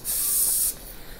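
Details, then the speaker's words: During root canal treatment, after irrigation with peroxide, hypochlorite and alcohol, a dental air syringe gently blows air beside the canals: a short, steady hiss under a second. "very gently and very carefully we're going to blow a bit of air not directly into the canals just a little bit on the side"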